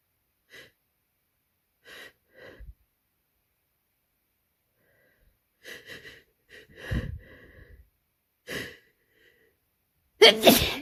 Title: Extremely tickly stuck cold sneezes